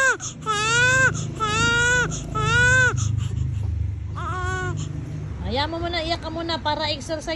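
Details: Intense infant crying, apparently irritated because the baby's eyes were covered: about five rising-and-falling wails with brief breaths between, over low room rumble.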